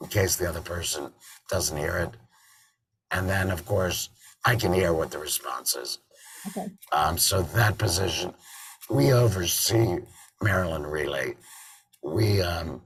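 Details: Tracheoesophageal speech from an adult man after total laryngectomy in February 2019, with a tracheoesophageal voice prosthesis (TEP) fitted in September 2019; he sometimes also uses an electrolarynx.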